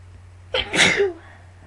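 A single loud, explosive sneeze with a quick indrawn breath before it; an allergy sneeze.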